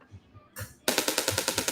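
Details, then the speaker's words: Radial shockwave therapy device switched on at low intensity in a clinic demonstration, before applying it with ultrasound gel: loud, rapid, regular sharp clacking pulses, about eight per second, starting abruptly. "so it can sound a little bit loud okay and when we were when we're using this so it conducts through the use of ultrasound gel"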